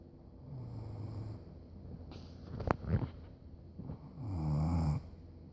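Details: Pregnant woman snoring on the couch, who snored only while pregnant: low rumbling snores with a snort in between, over a steady room hum; ordinary snoring.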